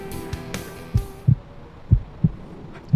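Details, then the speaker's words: Soft paired low thumps, lub-dub, about 60 to 65 a minute, heard through a stethoscope on the adult presenter's own chest in an ambulance: a normal, healthy heartbeat. "you hear that yeah that's my heart beating i'm nice and healthy"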